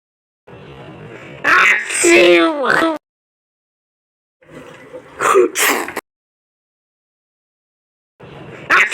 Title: q0u sq sneeze